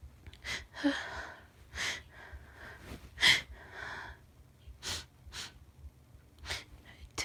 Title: Biiig Sneezes (F)